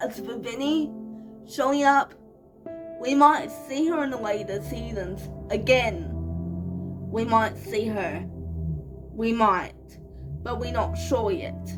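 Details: 25-year-old woman with cerebral palsy, real, speaking casually to camera: dysarthric speech (cerebral palsy).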